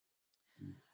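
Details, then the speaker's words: A sleeping old dog gives a single low, rumbling snore, faint against quiet room noise, during a recorded interview; snoring. "um for those of you listeners um lori does not have a pterodactyl in the room with her that is her snoring dog oh sorry you can hear him it sounds like you're moving furniture and i'm like wow she's also got mind powers folks"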